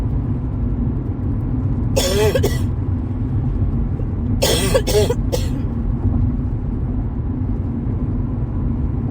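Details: Two short bouts of dry coughing, two to three coughs each, over car engine and road noise while driving, from a new cough in the first couple of days of a common cold.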